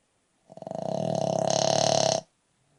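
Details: Loud, coarse, fluttering snore lasting nearly two seconds from a 7-year-old brindle Boston Terrier dog sleeping; snoring.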